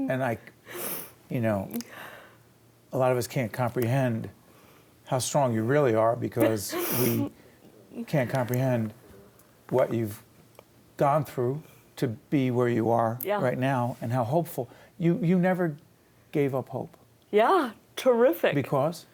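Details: Adult man speaking; normal speech.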